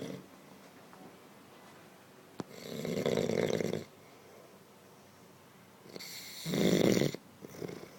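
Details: Man snoring in sleep without waking, stated to be genuine, not fake: two loud, rough snoring breaths about four seconds apart, roughly 15 breaths a minute, with quiet between them.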